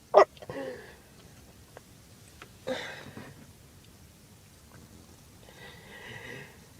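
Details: Girl who thought she just had allergies and says her chest hurts: two sharp cough bursts, each followed by a breath, in a quiet room.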